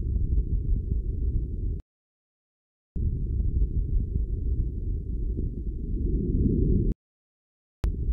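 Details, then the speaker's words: Normal vesicular breath sounds in a physiotherapy teaching demo over the costal and subaxillary zones, arms raised. Soft, low-pitched rustling heard almost only on inspiration, from alveolar distension. It is easier to hear with deep, slow breathing. "el murmullo vesicular es un ruido casi exclusivamente inspiratorio suave y de tonalidad baja en conjunto tiene dos componentes el inspiratorio más largo e intenso es causado por la distensión brusca de los alvéolos pulmonares por la entrada de aire"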